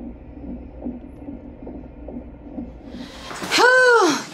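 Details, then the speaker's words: Third-trimester non-stress test (NST) in the last weeks before labor: faint rapid whooshing fetal heartbeat, about 140 a minute, on a fetal monitor while the mother presses a buzzer when the baby kicks, then a loud beep. "but let me listen to uh when babies kicking and then I'll come back because you got to press this little buzzer if you need here"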